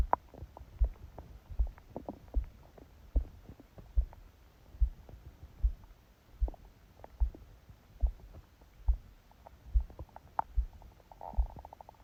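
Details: Soft belly gurgles and clicks over a steady heartbeat about 73 a minute, recorded by phone held on the abdomen under a book's pressure during sleep; stomach growling (bowel sounds).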